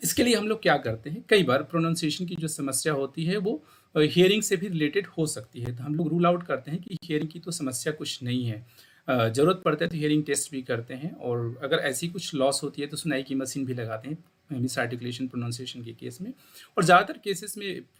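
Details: Adult speaker; normal voice.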